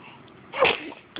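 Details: A single quick, hissing sneeze from a cat, a brief sharp burst of air.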